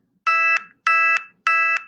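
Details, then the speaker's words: Continuous glucose monitor low-glucose alert for a diabetic daughter, triggered below 70: three repeated bright electronic tones that keep going, heard in a silent room at night and waking the parent. "So for Molly, if she's low, which means she's under 70, now imagine silent room at night. This is what I hear. This is what wakes me up."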